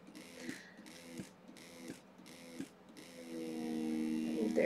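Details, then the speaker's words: BabyBuddha electric breast pump on level one in stimulation mode, demonstrated on a model: four short, quick suction cycles, then a long, sustained, rising-pitched strong pull; breast pump suction cycles. "so here's the short quick sections"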